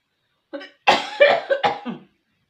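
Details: Brief coughing bout while eating spicy beef fat seasoned with red chili, garlic, shallot and tamarind sugar: a short catch of breath, then a quick run of four dry coughs.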